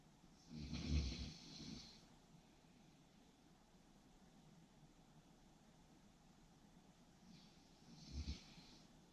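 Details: Two low, rumbling snores with a breathy exhale, separated by a long quiet pause, over faint room noise; snoring.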